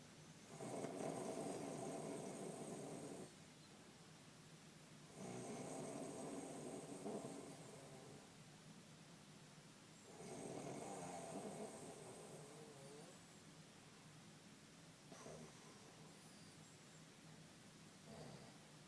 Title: Snoring like a bulldog